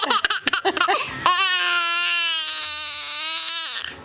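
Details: Short choppy sobs break into a long, sustained wail from an infant; an ordinary cry.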